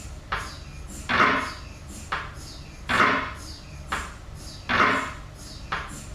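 Loud rhythmic knocking and buzzing pulses, about 33 a minute, repeating steadily: the working noise of an MRI scanner.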